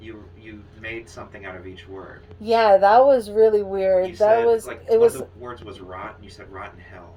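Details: Adult speaker, likely female; ordinary conversational speech.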